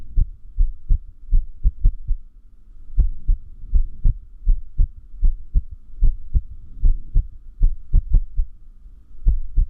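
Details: Low heart thumps at uneven intervals with a clear pause: irregular heartbeat (arrhythmia); arrhythmia is said to increase with lack of sleep.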